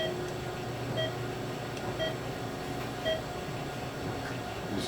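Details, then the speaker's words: Faint, steady electronic beeps over room hum from a Philips MMS patient monitor during ECG testing with a patient simulator: low heart rate alarm. "get the low alarm here. We'll go to a normal heart rate of 60 beats per minute."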